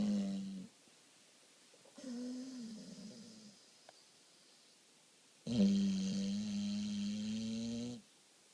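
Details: American Bulldog asleep: three long, buzzing, humming snores with pauses between, the last the loudest, in a quiet room; snoring.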